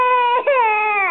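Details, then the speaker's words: 20-month-old toddler girl, cranky after too short a nap, gives a loud, sustained cry broken once by a brief catch of breath; toddler crying. "stand on here crying CU she didn't have a long enough nap"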